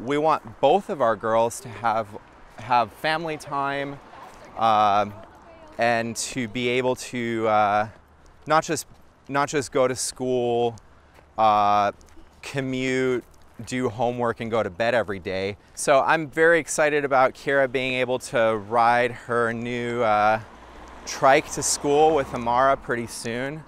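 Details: Adult man speaking; typical adult speech.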